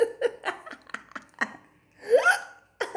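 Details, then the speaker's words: Person with hiccups: brief, sharp involuntary gulping sounds recurring every fraction of a second, mixed with laughter. "I just want to show you um because I have hiccups right now oh dear"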